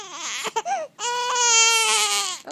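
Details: A baby reading a book is urged to sneeze and gets upset: loud, sustained, high-pitched wailing with brief broken sobs at the start, a typical upset infant cry.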